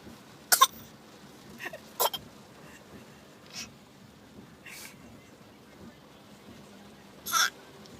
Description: Baby learns he can cough.. to cute